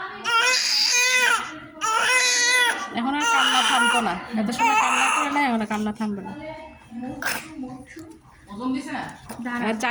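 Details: Newborn baby's first cry just after birth, with oxygen said to be no longer needed: loud, repeated, strong, clear crying bursts with brief breaths between and quiet adult voices in a small room; a vigorous newborn cry.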